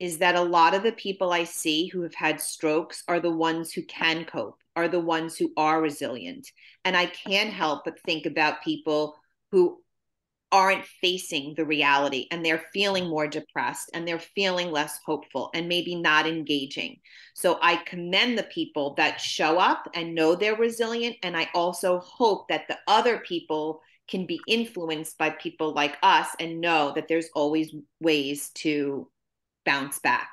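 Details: Adult woman speaking; typical speech.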